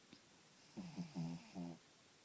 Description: My crazy dog snoring loud in the morning lol!!!